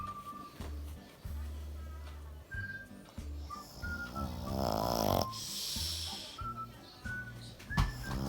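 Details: Sleeping pug snoring loudly with rough, snorting breaths, partly covered by background music; owner asks whether dogs can have sleep apnea.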